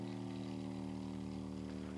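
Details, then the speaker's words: Steady, fast mechanical buzz with constant droning hum from a percussion therapy device at high speed, used on the muscles on the outside of a scoliosis curve and stopping at each segment near the apex. "and when we go to the high speed working mostly the muscles so going to high"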